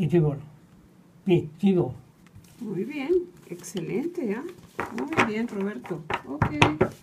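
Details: Adult therapist speaking Spanish, with brief utterances from another person; Ordinary speech (therapist).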